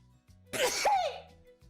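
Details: Vtuber sneeze compilation: a single explosive, hissing sneeze with a voiced tail, over soft background music.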